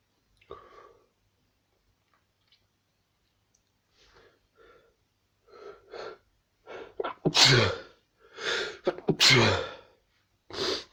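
Quiet sniffs and short breaths build up, then several loud explosive sneezes in a row: repeated sneezing.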